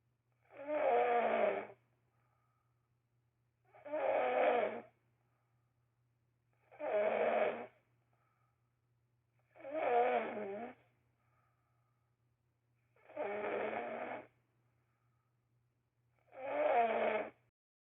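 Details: Very loud, regular snores with each breath in, about 20 a minute, over a faint steady hum; snoring.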